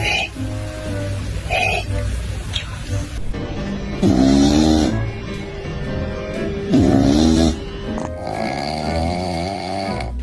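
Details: Sleeping cat with loud, rasping, voiced snores over background music; snoring.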